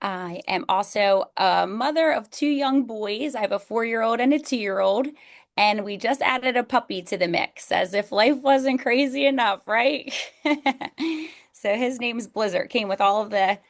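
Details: Adult woman speaking; Normal adult speech.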